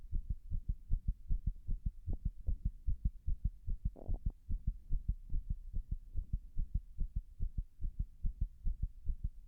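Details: Heart sounds with an irregular heartbeat (arrhythmia), recorded after six minutes of wall-standing compression.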